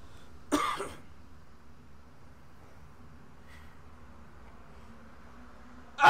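A single short harsh cough followed by quiet, then the start of another burst; acted in a comedy film.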